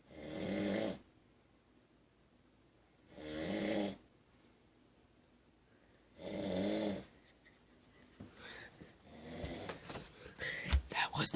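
Three loud rattling snores about three seconds apart, roughly 20 a minute, with quiet pauses between and some faint room noise after.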